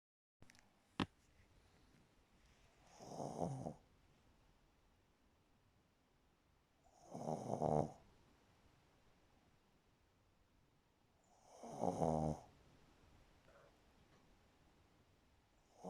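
Three rough, fluttering snores on inhalation, about 14 breaths a minute, in a quiet room.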